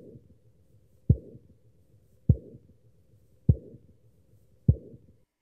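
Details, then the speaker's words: Simulated aortic stenosis, made by circling a stethoscope diaphragm on the back of the hand: regular thumps about 50 a minute, each followed by a brief crescendo-decrescendo rumble; ejection systolic murmur. "here you just have to generate this crescendo decrescendo sound you put again the diaphragm onto your hand and then you make this circle movement at the back of your hand"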